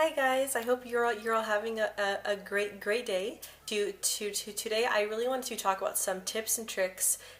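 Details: Adult woman who describes herself as a person who stutters, with frequent word and part-word repetitions and blocks mentioned; stuttering.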